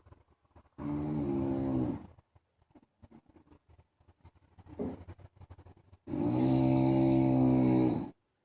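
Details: Sleeping French bulldog snoring loudly: two long, loud, rattling snores with quieter snuffling between them.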